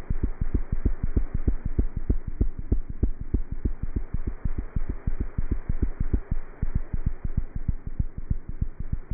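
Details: Cat heart sounds through a stethoscope: fast, regular heartbeat at about 190 beats a minute with a steady low hum behind it.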